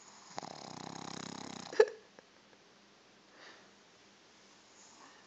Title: More of my snoring Pug Chico